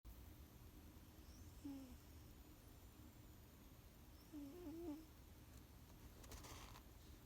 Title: Snoring cat